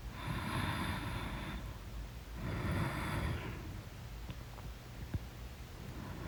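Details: Loud snoring in deep sleep: two long, rough breaths with a rattling low flutter, one every few seconds, over steady room noise.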